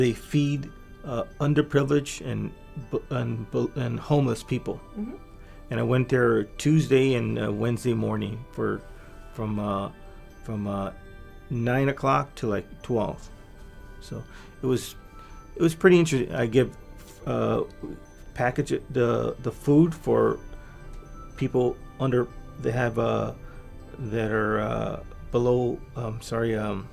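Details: Adult man with aphasia from a massive stroke 3 years earlier, before brain training; much language regained but fluency still impaired; non-fluent aphasia with word-finding difficulty.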